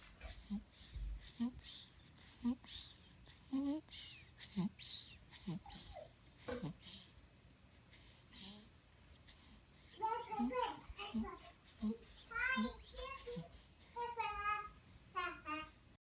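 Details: Stridor in a child: a rapid, harsh, pitched noise with each breath, about sixty a minute, followed by vocal sounds.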